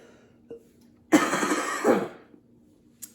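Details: A single harsh, dry, throat-clearing cough with no rattle from an adult speaker who says he has been extremely sick for the past week; dry cough during illness.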